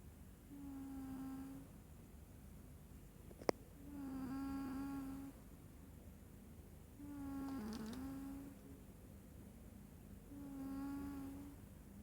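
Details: Snoring from a sleeping cat: four soft, buzzing, tonal breaths about every three seconds, roughly 20 breaths a minute.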